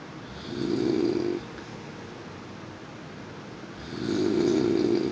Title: Snoring noises 2